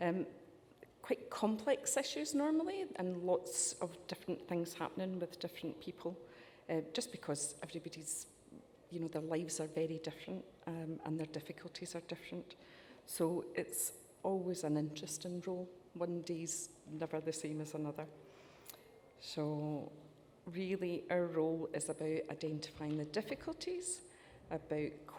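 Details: Adult woman; typical speech.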